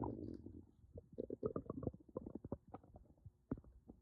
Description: I was so bloated and my stomach was upset with me.